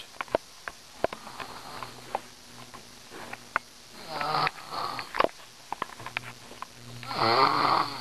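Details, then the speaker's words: A daughter snoring very loudly while asleep; snoring. "Yo, my daughter snores mad loud, yo. Crazy loud."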